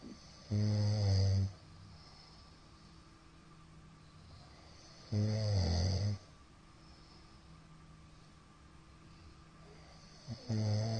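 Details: Middle-aged man snoring in his sleep: deep, heavy snores about 13 a minute separated by long quiet stretches; the uploader suspects sleep apnoea from the count of shallow hypopnoea breaths.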